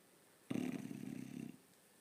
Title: Funny Bulldog snoring upside down.